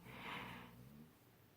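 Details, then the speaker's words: A single soft, snorting breath from a dog sleeping in the background, with a low rattling rumble that fades out; dog snoring. "that's like dogs snoring is my liberty snoring back there he's a goof way they don't respect the YouTube filming industry do they"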